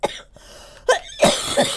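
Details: Girl coughing during a gaming voice chat: three short, sharp coughs in quick succession from a female voice.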